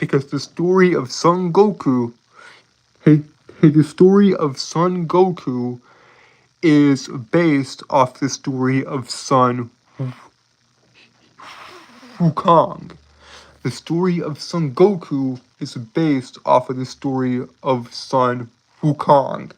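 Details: Adult male streamer with a self-reported speech impediment, with frequent word and phrase repetitions; speech disfluency (speech impediment).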